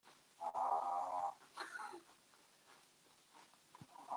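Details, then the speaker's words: A sleeping chihuahua gives one buzzing, nasal snore followed by a softer snuffle, then quiet breathing: dog snoring. "That's Lois, the chihuahua, snoring."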